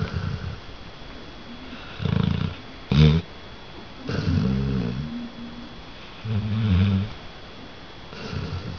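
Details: Red-nose pitbull/American bulldog snoring loudly while asleep when tired: loud, low, rattling snores repeating about every two seconds with one sharp snort in between.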